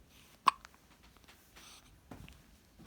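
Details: A single sharp, abrupt hiccup from a girl in a quiet room, followed by faint soft noises; hiccups.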